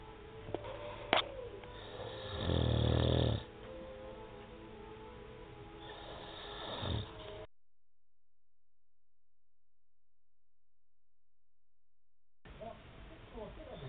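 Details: Adult husband snoring while asleep on a sofa: a loud, low, rattling snore, a softer noisy breath, then a gap of silence.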